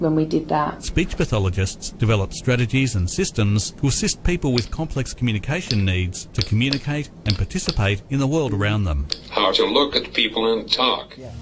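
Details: Adult male narrator; normal speech.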